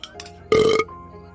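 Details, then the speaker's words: Acted scene in a digestive-health awareness clip: a short voiced belch over background music; frequent burping, possibly with acidity, bloating, indigestion or chest discomfort, is presented as not to be ignored. "बार-बार डकार आना या [संगीत] gas को सिर्फ normal समझ कर नजरअंदाज मत कीजिए।"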